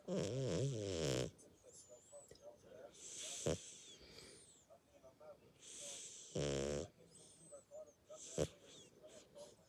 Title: Pixi dreamin & snoring through the night!